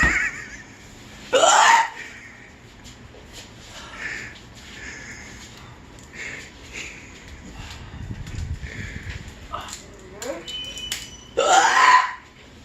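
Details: Two loud, abrupt hiccups several seconds apart, with quieter breathing and laughter between; painful hiccups at bedtime that then stop; ordinary hiccups.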